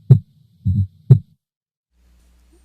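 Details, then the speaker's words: Teaching example of an S4 gallop, a "Tennessee" rhythm: low heart sounds with a soft extra thud just before S1, then S2. "And I'll play you an example of an S4 now, and many people recognize an S4 by thinking of the word Tennessee. The tenna is the S4 and the S1, and the C is the S2, so Tennessee, Tennessee."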